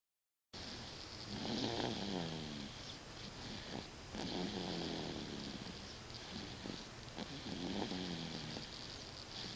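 Rough, rattling snores recur in slow cycles against steady room hiss; ordinary snoring.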